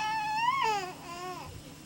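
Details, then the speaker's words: Newborn during an abnormal neurologic exam, cry elicited by tickling the feet, with full facial expression and somewhat flexed limbs: brief cry that fades quickly, judged a little soft; weak cry. "A little bit soft. But he certainly responds and lets us know that he doesn't like that."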